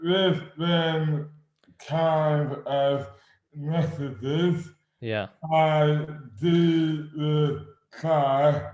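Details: Adult man with dystonia; slurred speech began suddenly overnight after a night out on the May bank holiday 2008, without known cause; hands also affected; speech dramatically impaired; dysarthria due to oromandibular dystonia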